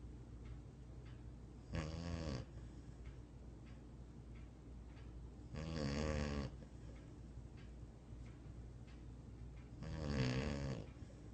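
Three loud rattling snores on the in-breath, about 15 breaths a minute, over a steady low room hum. Dog snoring.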